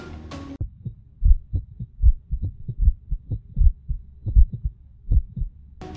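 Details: Normal heart sounds heard via a conventional stethoscope fitted with a digital module, at base level without amplification: regular low lub-dub pairs, about 77 beats a minute.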